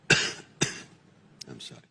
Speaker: has a a slight cough and cold.